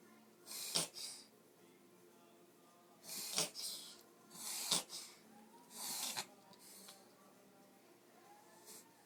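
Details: Foster dog with kennel cough: repeated harsh, hissing snorts in quick bursts. Reverse sneeze.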